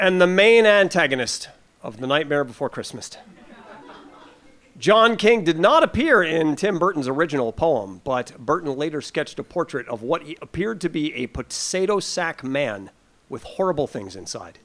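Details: Adult male speaker; normal voice.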